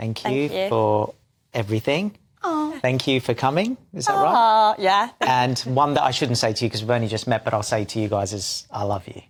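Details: Adult speakers in conversation; ordinary speech.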